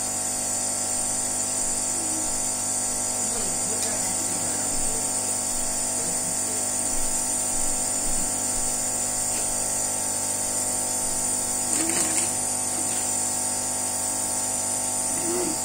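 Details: Child receiving a daily nebulized Budesonide treatment by face mask (recently switched from albuterol) to open her airway, as she has often needed extra oxygen lately; steady loud compressor motor hum and hiss, faint child vocal sounds; nebulizer compressor running.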